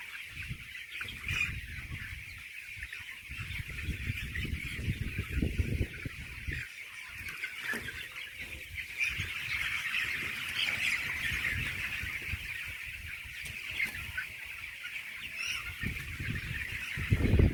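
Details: Broiler chicken flock with repeated harsh gasping breaths under steady high chirping and low rumbling: gasping in broilers.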